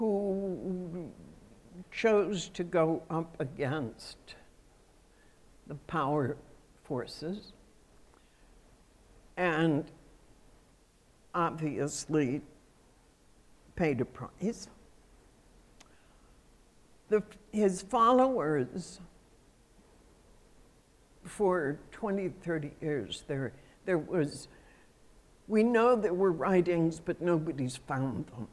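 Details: Adult woman who states she has spasmodic dysphonia, a voice condition she says comes and goes. Real speech showing spasmodic dysphonia.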